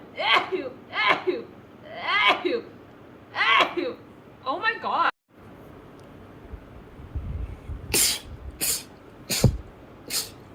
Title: girls sneezing rapidly. #11.|| rapid sneeze.